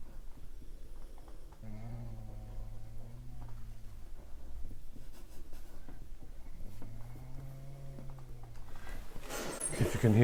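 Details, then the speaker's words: Two dogs snoring in the background while having a good sleep. "snoring in the background as my dogs both over there having a good old sleep to themselves"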